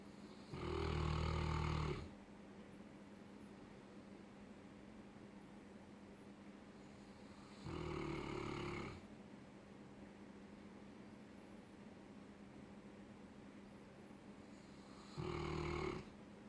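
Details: 4-year-old Neapolitan Mastiff sleeping on a bed, snoring: three loud, low, rumbling snores about seven seconds apart over a steady background hum; deep rhythmic sleep snoring.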